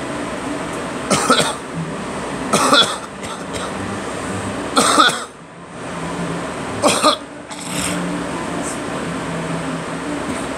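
About five separate short, harsh coughs over ten seconds against steady traffic and engine noise; an ordinary cough.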